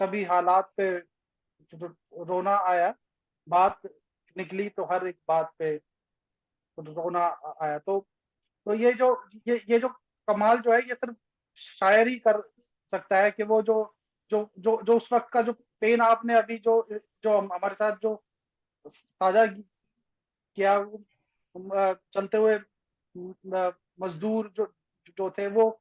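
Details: Host of a stammering association's poetry event, who calls himself a stammerer, with repeated words; stammering.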